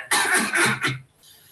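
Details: 8-month-old infant with repeated episodes of cough, wheeze and fast breathing, family history of asthma, poor response to budesonide and SABA: short run of three harsh, noisy coughs in bouts; cough in bronchomalacia.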